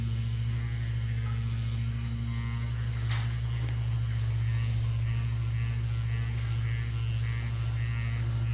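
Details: A percussive vibration massage device, working on the whole fascia through waves, vibration and percussion, runs with a steady low electric motor buzz and hum during chiropractic treatment of a very large man with years of tension.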